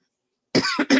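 Two quick, dry cough bursts from an adult, brief and unremarkable.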